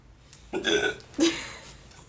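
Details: Young boy copying his father's hiccups: two short voiced belch-like sounds, a playful imitation of hiccups, labelled as burping.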